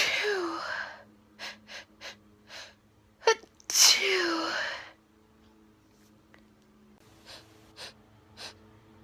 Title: Sneezing (F)